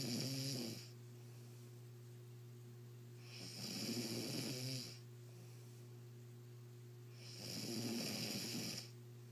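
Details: Sleeping person: slow, regular rattling snores on each breath in, about 16 a minute, over a steady background hum; snoring.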